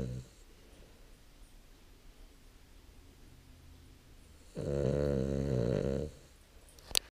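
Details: Snoring: quiet breathing, then one loud, buzzing snore lasting about a second and a half.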